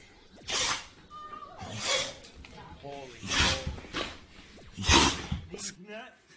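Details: Cat or dog sneezing, from a compilation of pets sneezing: several short, sharp hissing bursts with voices over them; ordinary animal sneezes.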